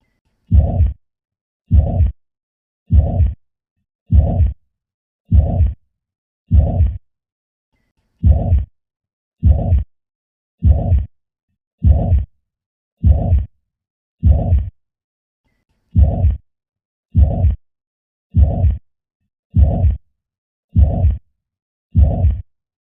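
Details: Holosystolic murmur of mitral and tricuspid regurgitation: regular heartbeat near 50 a minute, each beat a long low blowing whoosh filling systole.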